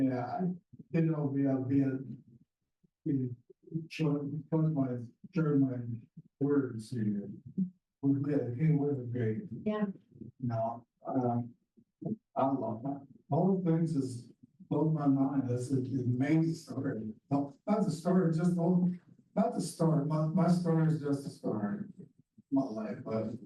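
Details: Male speaker with post-stroke aphasia.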